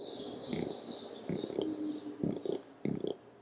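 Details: Woman with Tourette syndrome demonstrating her first childhood vocal tic, which began around age eight or nine: a grunting tic from the back of the throat, somewhat purr-like and not very loud.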